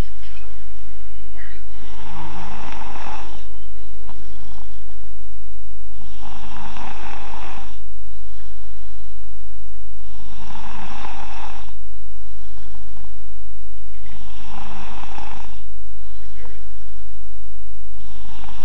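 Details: Seven-year-old boy snoring loudly: harsh snores about every four seconds, roughly 14 breaths a minute, over a steady low hum.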